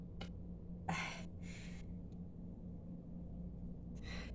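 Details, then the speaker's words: Several sharp, breathy gasping catches over a steady hum, described as painful recurring hiccups coming in waves, sometimes making eyes water; hiccups. "so here we are with the painful hiccups again"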